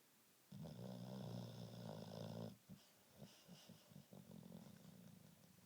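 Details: Charlie sleeping and snoring: a low, fluttering rumble on the in-breath, then softer snuffling breaths.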